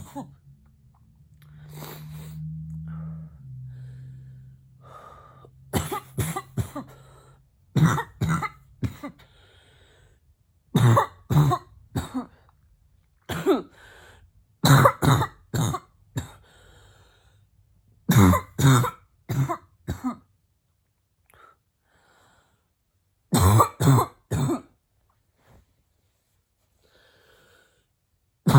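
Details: An adult woman deliberately imitates a barking cough with her mouth closed: short clusters of harsh, muffled, barking bursts.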